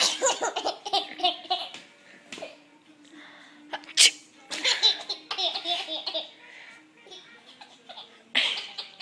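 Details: Adult with a cold sneezing twice sharply, each sneeze followed by a burst of a baby's high-pitched laughter.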